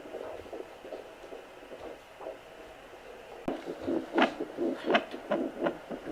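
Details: Home Doppler used by a mother pregnant with her tenth child: swishing noise and placental sounds, then rhythmic fetal heart tones returning after the signal is lost, as the baby moves in the amniotic fluid; normal fetal heartbeat.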